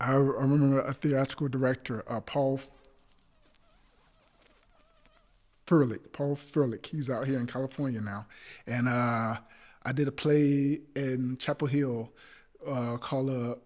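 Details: Adult male actor with a speech impediment (stammering), stuttering while recalling a theatrical director; stuttering.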